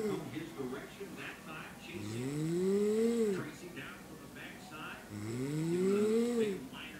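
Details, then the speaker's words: Slow rhythmic snoring from a woman falling asleep at night, a rising, whistling nasal snore on each inhalation, about 19 breaths a minute, loud enough to hear from downstairs; faint room noise. "8:09 at night, and my mom is falling asleep, and I can hear her snoring from downstairs, so I'm gonna go upstairs and see if I can get any of her snoring."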